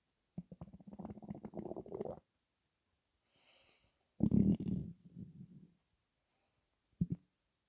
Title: Cola swirling around my stomach